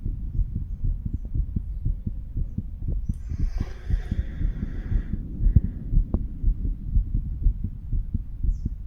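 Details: Chest auscultation of a 35-year-old male by stethoscope at mitral, tricuspid, pulmonary and aortic areas in turn: steady regular lub-dub heart sounds, brief scraping rub as the chest piece moves between valve areas.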